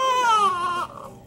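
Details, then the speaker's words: Newborn: a short, high, wavering cry that fades quickly into quiet; an ordinary newborn cry. "okay it's okay buddy nothing I like but is that he doesn't he cries a little bit and then he calms himself you know you're okay you don't like baths"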